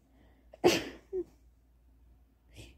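A single sharp sneeze with a short sniff after it, in a quiet room; sneezing with a cold or flu.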